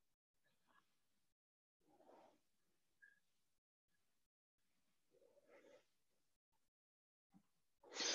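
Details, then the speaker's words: Child with inspiratory stridor, working chest muscles and tugging with each breath in: harsh, noisy sounds on each inspiration about three seconds apart, from a narrowed upper airway. "most people will recognize this as Strider and it's inspiratory so you can notice when the kid breathes in you can see that he's working muscles in his chest"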